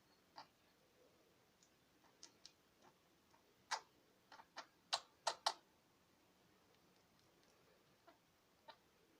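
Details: Budgerigar under treatment for several months with only temporary improvement: small, sharp clicking coughs, with a cluster of louder ones midway, in a quiet room; cough in a budgerigar.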